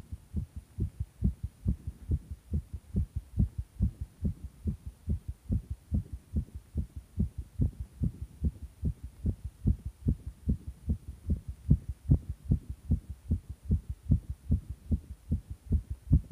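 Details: Strong, regular low thumping heartbeat, fast at about 146 per minute, with a steady background hum; pounding heartbeat.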